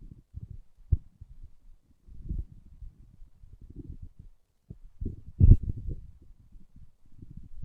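Low, irregular gurgling and rumbling from the belly: ordinary stomach growling, a normal bowel sound.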